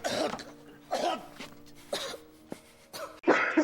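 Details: Several short dry acted coughs and throat clears from film scenes, with faint background music.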